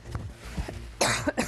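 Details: A BBC news presenter unable to control coughing on air, then going silent: after brief quiet, two abrupt harsh coughs close together; cough.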